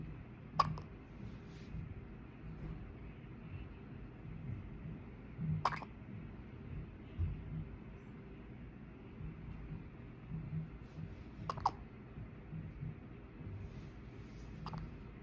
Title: Preemie baby has hiccups